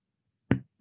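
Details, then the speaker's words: Resonant percussion note over the lower chest on the midclavicular line during a held deep inspiration: the lung expands and the dull note over the liver becomes a low, hollow, ringing resonant note again, in a digestive-exam teaching demonstration. "Si el paciente respira hondo y mantiene el aire, vemos"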